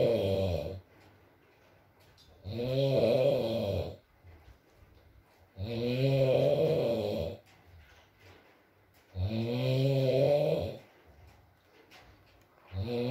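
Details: Sleeping adult man: loud, rough snores on each in-breath, about 18 a minute, with quiet gaps between, with rain in the background in an ASMR recording; snoring.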